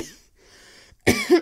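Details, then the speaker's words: Simulated cough in a female-voiced roleplay of a sick girlfriend with reported temperature around 99.8–102, feeling off and sweaty, calling it a cold: quiet breath then a single short voiced acted cough. "attractive way of coughing look it it's just a cold I'll take some Advil and it'll be fine"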